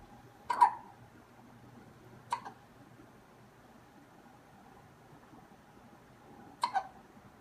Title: One minute of hiccups